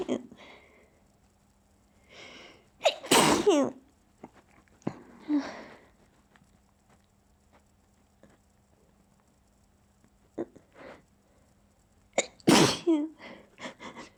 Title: trying to sneeze quietly